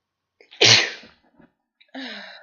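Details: Person with a cold, sick and sneezy all weekend, in bed: short intake of breath, one forceful explosive sneeze, then after a pause a drawn-out nasal exhale. Sneezing.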